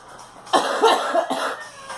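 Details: Girl coughing; a short run of two or three coughs in a quiet room.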